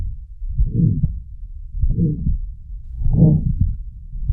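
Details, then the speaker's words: Pulmonary stenosis example: heartbeats about 50 a minute, each with a sharp early ejection click followed by a harsh rushing systolic murmur; thrill described at the upper left sternal border. "Pulmonary stenosis causes a decrease in cardiac output and the client will have a harsh systolic murmur and ejection click. A thrill will be oscultated at the upper left sternal border."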